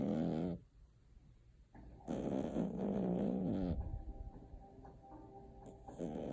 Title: Cat snoring